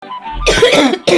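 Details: Cough from an adult woman: two short, harsh cough bursts heard over background music.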